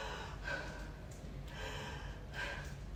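An adult imitates deep, heavy, gasping breaths in a small room: an imitation of Kussmaul breathing.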